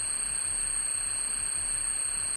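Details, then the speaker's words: Simulated screeching tinnitus, one of seven common tinnitus sounds demonstrated: steady, harsh high-pitched squeal over a hissing band. "सबसे पहले, tonal tinnitus, (high pitch ringing) चाय की केतली की आवाज़, (kettle blowing) भनभनाहट, (high pitch बज़िंग) static, (static blurring) कर्कश,"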